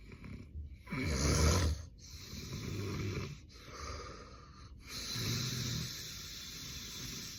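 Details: Real, unstaged daytime nap of an adult man with severe obstructive sleep apnea, who reports extreme daytime sleepiness: loud, rough snoring with heavy breathing and apnea pauses.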